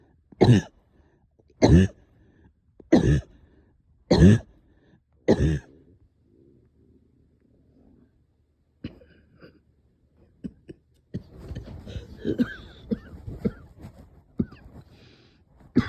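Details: Cough, up coughing all night with stubborn sticky phlegm, heavy chest and headache: five harsh coughs about a second apart, then quieter throat sounds and background noise.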